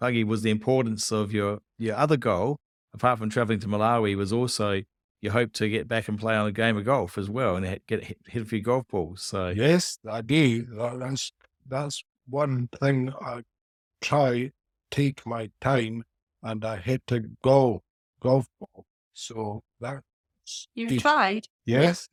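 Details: 49-year-old man with aphasia after a haemorrhagic stroke four years earlier; speech still inconsistent day to day, mixes up words.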